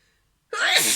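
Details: Sneeze that gets interrupted: silence, then one sudden, loud, explosive sneeze burst.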